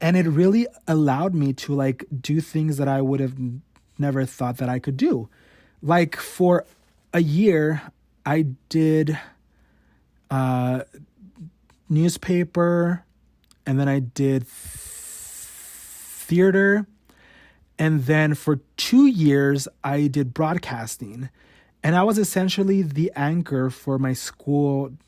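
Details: Stuttering in an adult male podcast host, real and unedited; he has stuttered since about age 5 or 6, and it worsened in his teens.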